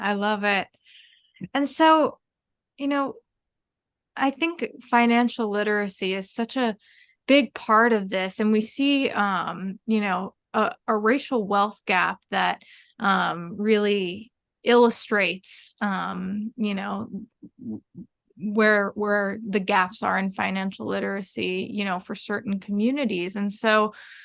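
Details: Adult female speaker; normal speech.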